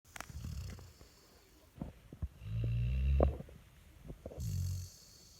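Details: Labrador dog snoring while asleep: low, rumbling snores with a longer snore in the middle and quieter breathing around it.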